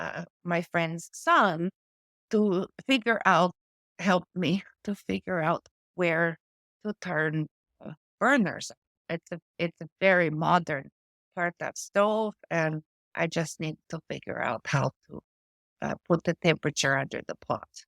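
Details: Adult woman with post-stroke aphasia from a stroke affecting her brain's language area; word-finding difficulty with words lost mid-sentence and old-fashioned or inappropriate word substitutions; she also reports foreign accent syndrome.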